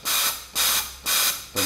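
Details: Noninvasive high-frequency jet ventilation through a soft-edged transparent face mask, Paravent ventilator with connecting hose and multi-jet generator (usually number 10); high-frequency jet ventilation via face mask.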